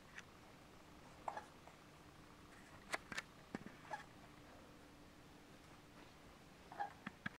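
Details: Baby having hiccups: faint, soft hiccup catches spaced over about seven seconds, low room noise.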